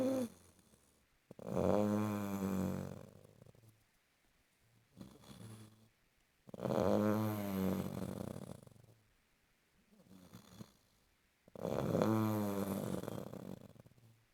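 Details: Sleeping person snoring: loud, rattling snores on the in-breath with softer breaths out, about 12 breaths a minute in a quiet room.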